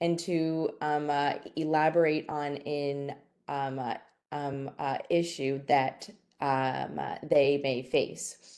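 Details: Stuttering in a young woman, a student who describes herself as someone who stutters.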